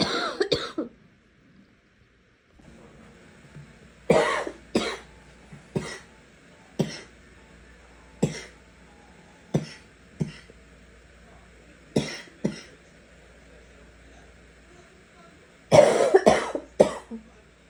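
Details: About a dozen repeated harsh coughs, single and in pairs, ranging from raspy to hoarse to wet with a few barking, a rough, productive-sounding cough.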